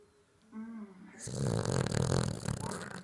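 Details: Cavalier dog snoring: loud rough fluttering breath noise after a brief tonal sound; snoring in a small dog.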